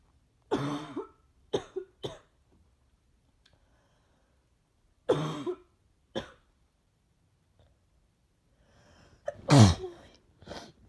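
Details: Adult sick with flu for almost a week, worse after drinking, with a congested nose and sore throat: several short explosive coughs followed by a loud sneeze.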